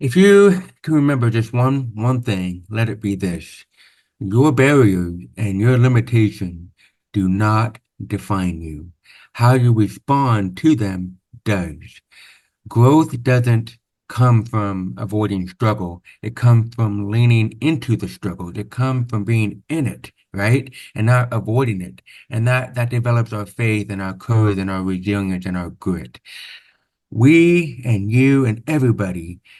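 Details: Man born with severe, profound (about 90%) hearing loss, after over 13 years of speech therapy, with what he calls a deaf accent; deaf speech (hearing-loss accent).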